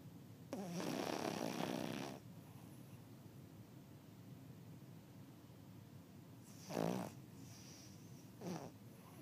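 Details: Dog snoring: one long, rattling snore, then two shorter snorting snores after a pause, against quiet room noise.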